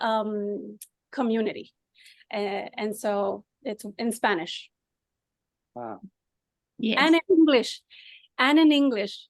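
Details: Ischemic stroke five years earlier in an adult man, with resulting aphasia; halting speech with frequent pauses and fillers; aphasia after stroke.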